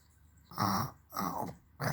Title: My Naughty baby ❤ Imitating her father Snoring sound 😂